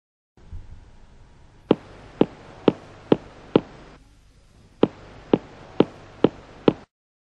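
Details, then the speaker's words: Gentle finger percussion at right midclavicular line, lung–liver border: two series of five taps at one spot; after deep expiration the note is dull again, hepatic dullness marking liver. "après expiration profonde on entend de nouveau la matité hépatique au même endroit"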